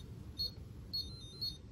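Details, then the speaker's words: Short high electronic beeps in an uneven pattern, three in under two seconds, as two apex locators (Morita Root ZX II and Sybron Apex ID) are connected to the same tooth at once and interfere with each other. "if you really want to get crazy and put two apex locators on at the same time the two happens they go into like defibrillation oh"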